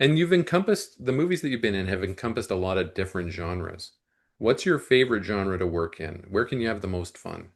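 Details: Adult male speaker; typical speech.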